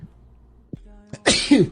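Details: Streamer with allergies sneezing: a quiet intake of breath, then one loud, sharp sneeze with a voiced ending.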